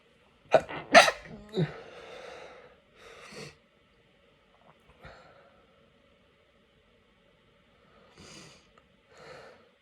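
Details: Burst of three or four quick sneezes, then sniffing and breathy exhales; repeated sneezing with a cold, after going through many tissues.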